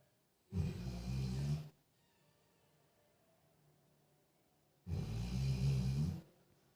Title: she 🐩 is snoring 😴💤 while sleeping 💤😂🤷🤦| fun with dog😁